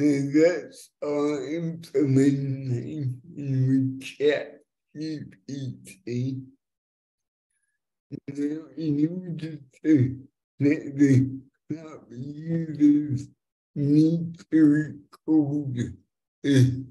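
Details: Dysarthric speech in a multilingual young woman born with cerebral palsy (congenital) that has affected her speech; she uses a speech recognition app to communicate.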